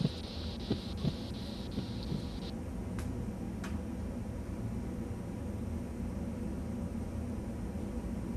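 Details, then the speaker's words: Faint regular tapping thumps over the steady hiss of air slowly released from a blood pressure cuff pumped to 200 mmHg, fading after a few seconds; Korotkoff sounds marking systolic onset and diastolic end. "The first lub-dub sound that you will hear is systolic blood pressure. Immediately after the last lub-dub sound will be diastolic."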